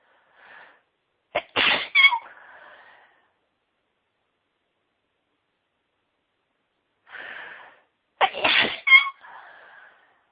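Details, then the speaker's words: Woman in a sneezing fit: two high-pitched sneezes, each a brief inward breath then a sharp burst, several seconds apart; sneezing. "Let's see. Can't stop sneezing. Let's sneeze again."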